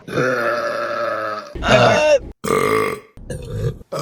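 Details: Woman belching in a compilation of female burps: a series of long, loud, voiced belches, the first sustained over a second, then shorter ones: burping.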